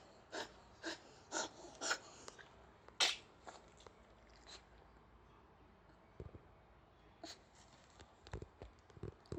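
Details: Kennel cough in a dog: a run of sharp, snorting sneezes and short cough bursts in a quiet indoor room.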